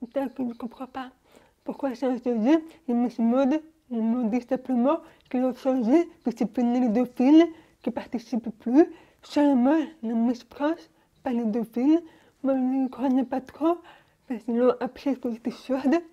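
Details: Young adult woman born deaf (prelingual hearing loss), wearing hearing aids since birth, speaking French orally while lip-reading; deaf speech.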